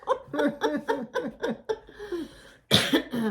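An adult gives a run of about seven short, voiced coughs, then a stronger cough after a pause.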